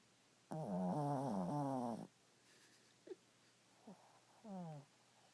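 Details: 7-year-old dog sleeping gives drawn-out, pitched, groaning breaths with a few short squeaky catches; snoring.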